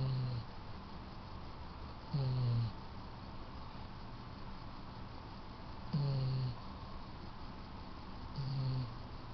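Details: A female Yellow Labrador asleep on her owners' bed snoring: four low, rattling snores about every two to three seconds with quiet breathing between; ordinary sleep snoring.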